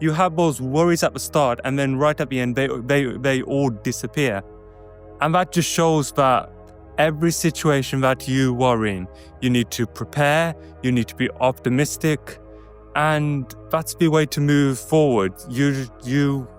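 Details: Adult man who describes himself as a stutterer, with word repetitions; stuttering.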